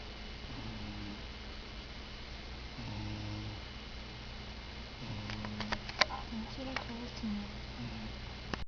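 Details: Faint, low rumbling snores recurring every few seconds under room noise, with a few soft clicks; quiet snoring from a sleeping person (Sara).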